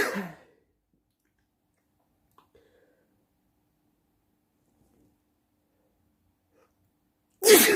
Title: Loud sneezing at night